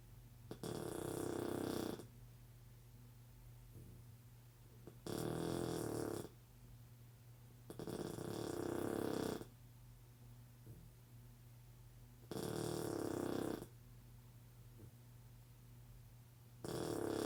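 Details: A Blue Shar-Pei puppy, recorded before his surgery, snoring loudly while asleep: rattling snores about every four seconds, roughly 14 a minute, with quiet breathing between.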